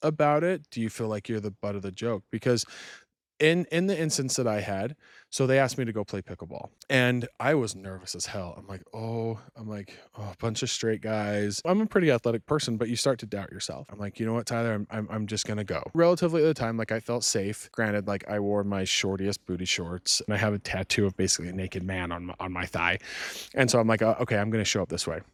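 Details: Adult man with a childhood stutter treated with speech therapy until junior high. He still stutters when talking fast, nervous or excited, and still has some trouble with R's. Word and phrase repetitions: stuttering.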